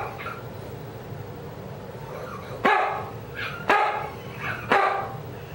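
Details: Three sharp barks from a dog with softer, wheezy, strained sounds between them; a new wheeze that began last week after starting vinblastine chemotherapy and happens only when she barks.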